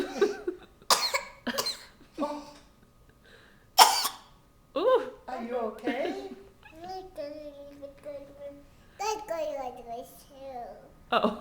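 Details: Several short, sharp coughs from a young child, in a clip labelled as sneezing, followed by babbling speech; someone remarks "that was fake" just before, so possibly fake; a plain cough.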